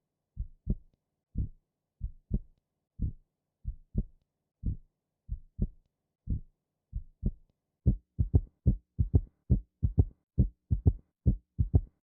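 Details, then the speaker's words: Third heart sound in a teaching animation, played slowed then at real speed: low-frequency three-beat gallop in early diastole from rapid ventricular filling, best heard at the apex with the stethoscope bell; ventricular gallop (S3). "हृदय ध्वनि एक कम आवृत्ति वाली ध्वनि है जिसे हृदय के शीर्ष पर सथोस्कोप की घंटी के साथ सबसे अच्छा सुना जाता है। इसे डस्टली के शुरुआती दिनों में सुना जाता है और इसे अक्सर वेंट्रिकुलर गैलप के रूप में जाना जाता है।"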